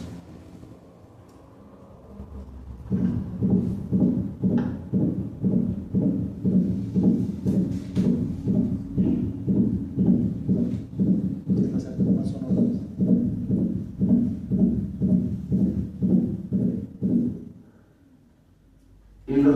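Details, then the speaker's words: Cardiology auscultation class recording: rapid regular heartbeat near 120 a minute with crisp early systolic clicks, heard best at the pulmonary area and left sternal border, same auscultatory features as aortic ejection sounds; pulmonary ejection click. "de inyección pulmonares poseen las mismas características auscultatorios aórticos Se aprecia mejor en el área pulmonar y en el borde external izquierdo"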